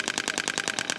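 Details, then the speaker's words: Extracorporeal shockwave therapy demonstrated on an assistant's neck trigger point, set around 8 Hz (range 1–22 Hz): rapid, even, clacking pulses from the applicator. "So we'll go from 1 hertz to 22 hertz a second. So I like to put it at around 8 hertz."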